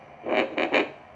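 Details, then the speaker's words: Movement artifact on a repaired fetal Doppler running on a weak battery with no gel: three short whooshing swishes as a hand moves in front of the probe, then near silence. "trânsito o aparelho reproduz o movimento na vida real nós colocaríamos é um gel condutor nesse transdutor e colocaremos no ventre da mãe"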